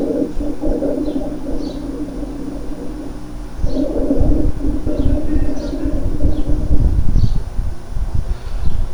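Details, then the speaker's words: Cavernous rales (gurgling, large-bubble rales) on chest auscultation: resonant, large bubbling sounds like blowing through a straw into water; such patients may have tuberculosis, possibly active with cavities. "vamos a escuchar estos sectores cavernosos o gorgoteo o de grandes burbujas escuchan un ruido resonante escuchen las burbujas"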